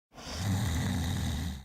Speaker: 40 por ciento de los adultos roncan el ruido de los ronquidos está provocado principalmente por la vibración de los tejidos blandos de la garganta